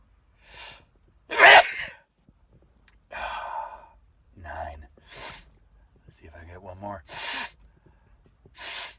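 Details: Adult sneezing repeatedly, a run of explosive sneezes counted toward ten, each preceded by a short in-breath with small gasps between; ordinary repeated sneezing.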